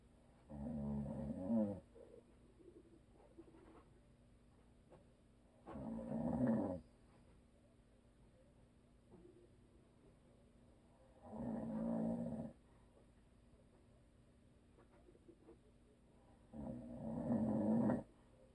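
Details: Adult man, habitual snorer, asleep: four slow, rattling snores about five seconds apart, roughly twelve breaths a minute, quiet between them; snoring.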